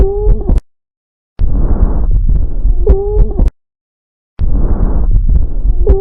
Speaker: Adventitious breath sounds. Wheeze. You are listening to Wheeze.